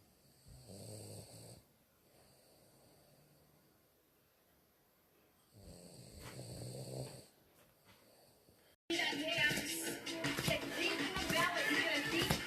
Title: MY SNORING DOG, I WOKE HIM UP THOUGH